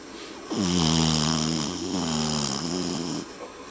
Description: The family dog tango snores really loud. No, really, REALLY loud.